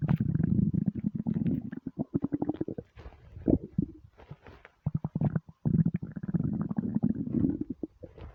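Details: Hunger stomach rumbles when starving: repeated low gurgling and growling bursts separated by brief quiet gaps; normal borborygmi.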